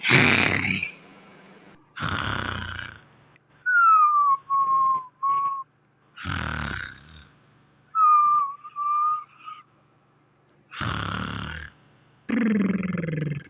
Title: Fraggle rock snoring and purring part 2